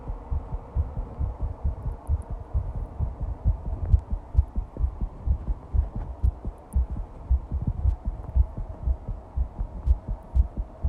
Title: Fast heartbeat recording